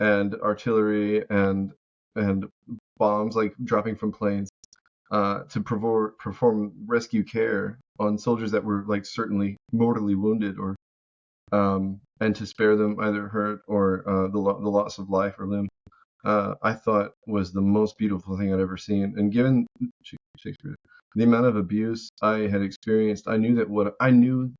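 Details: Adult man living with Tourette syndrome produces a word as a vocal tic mid-sentence; vocal tic (Tourette syndrome).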